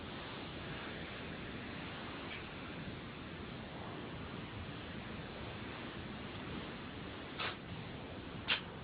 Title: Cat Sneezes Very funny!!